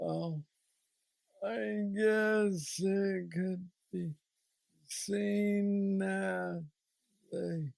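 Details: 46-year-old man with Parkinson's disease diagnosed at 35, about 11 years ago, which he describes as the most aggressive form, with mobility struggles and a deep brain neurostimulator implant; real patient; Parkinsonian speech (hypokinetic dysarthria).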